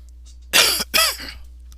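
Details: Two quick harsh coughs followed by a brief throat clear from a sick adult painting instructor during a session.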